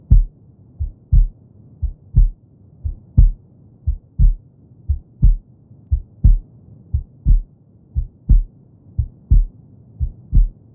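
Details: Heartbeat sound recording released as a track to help babies fall asleep; normal heartbeat.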